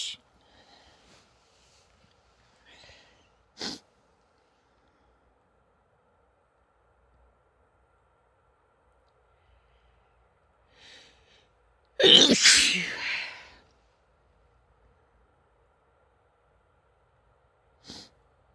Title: chhinkni fit of (f) sneezes and nose blowing